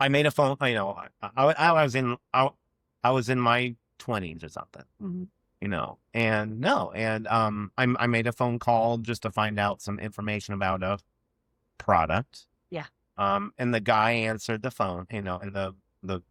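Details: Adult man who has stuttered since childhood and had years of speech therapy as a child; real conversational speech with repetitions and blocks, showing stuttering.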